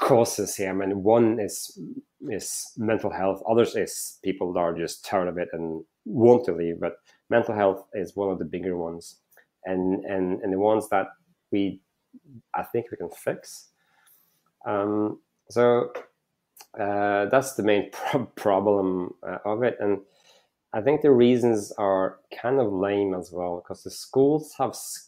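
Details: Stuttering in a male startup founder who says he stutters and that it can be heard in his speech.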